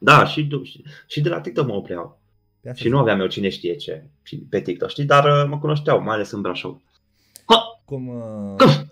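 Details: Adult man with Tourette syndrome, a comedian who performs on stage, speaking in a Romanian podcast interview with recurrent vocal tics such as 'psi', 'psam' and 'pa pa pa' interrupting his speech; vocal tics (Tourette syndrome).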